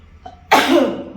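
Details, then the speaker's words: Adult woman with a cold who says any talking starts her dry cough: a single abrupt, harsh cough burst with little wet rattle; dry cough. "मेरी हालत देख रहे हो? कुछ भी बोलो खांसी शुरू हो जाती है। और सूखी खांसी।"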